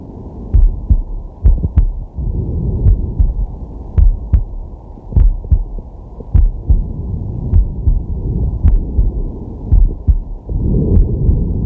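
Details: Man's heart recorded with a digital stethoscope on the chest: deep, steady lub-dub at about 51 a minute with slow breathing sounds behind; normal heart sounds.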